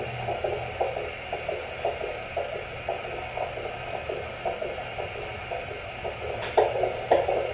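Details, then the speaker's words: Fetal heart rate on Doppler during home labour of a mother's eighth baby, just after spontaneous rupture of membranes: rapid rhythmic whooshing pulses around 113–115 a minute, with handling noise. "Baby's heart rate."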